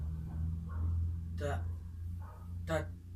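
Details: Simulated (acted) global aphasia, a severe aphasia from extensive damage to the brain's language areas; comprehension is preserved while only very short syllables are produced, answering a name question.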